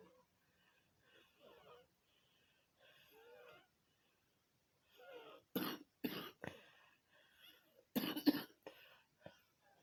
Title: another day another cough